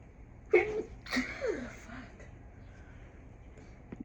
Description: Felt like inducing some sneezes earlier this week. This was the results.